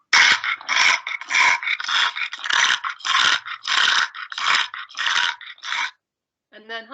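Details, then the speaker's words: Stertor in a brachycephalic dog with brachycephalic obstructive airway syndrome (BOAS), heard after exercise: snoring-like upper-airway respiratory noise, the sound assessed when grading severely affected dogs. "so we can pick out the most severely affected dogs now the respiratory noises that we're looking for are the sturter"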